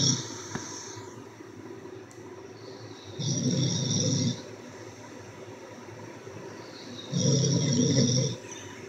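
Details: Adult snoring during sleep: heavy, rattling snores in regular bursts, about 15 breaths a minute, with quieter breathing between.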